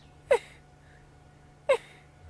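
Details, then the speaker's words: Person imitating a vulture's sneeze on a live safari broadcast: two short, sharp sneeze-like bursts about a second and a half apart; the presenter jokes the vulture has pneumonia. Imitated sneeze. "There he goes again. He is sneezing. I don't know if you can hear it, but he goes,"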